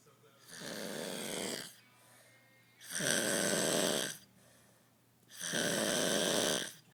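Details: Loud, deep snoring from a drunk man passed out on a couch, three long rattling breaths in about seven seconds, roughly 24 a minute; snoring.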